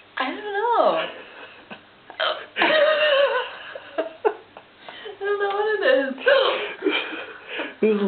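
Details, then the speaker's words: A girl with hiccups, possibly brought on by ice cream, gives short voiced gulps and squeaky catches between breaths and speech, with laughter; she says they hurt; hiccups. "hey you got the hiccups are you videoing do you have the hiccups"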